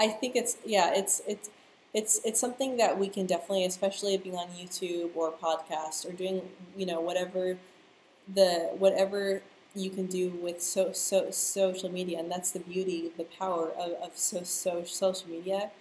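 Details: Stuttering in a young adult woman who stutters.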